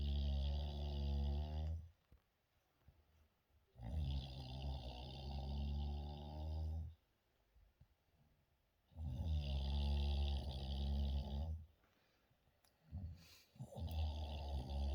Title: nana snoring